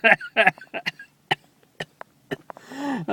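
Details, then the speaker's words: Short laughing bursts break into sharp, dry cough bursts in quick succession; a person who habitually coughs as soon as they start laughing; laughter-induced cough. "didn't cough as much as I used to I used to cough as soon as I start laughing I start coughing"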